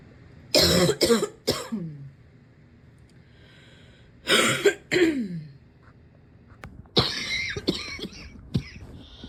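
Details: Clusters of forceful, harsh coughs in quick succession with brief gasping breaths between bouts; persistent coughing fit, can hardly take a breath without coughing for five minutes afterwards.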